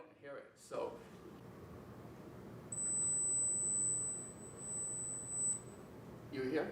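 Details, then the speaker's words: Very high-pitched steady pure test tone, about three seconds, demonstrating age-related high-frequency hearing loss: most adults can no longer hear high frequencies while young people can; a 10 kHz tone follows. "casi todos los adultos sufren una pérdida de audición ya no pueden oír las frecuencias altas diferente es el caso de los jóvenes a quienes les gusta aprovechar esta ventaja frente a los adultos buscamos por ejemplo un sonido que ustedes puedan oír pero yo no"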